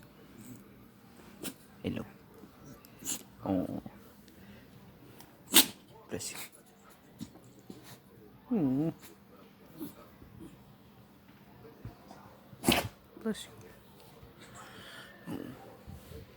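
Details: Hound dog sneezing while awake, not in sleep: several short, sharp nasal bursts with quiet room noise between them; repeated sneezing.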